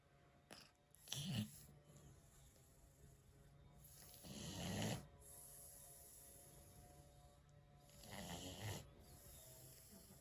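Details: Pet cat snoring softly during sleep: three soft, low snores about 3.5 seconds apart, roughly 17 a minute, over steady background hum; snoring.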